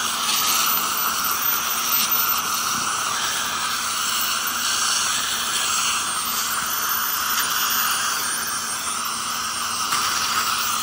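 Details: Ultrasonic dental scaler during tooth scaling to remove heavy tartar and stains: continuous high hiss and whine with water spray and suction.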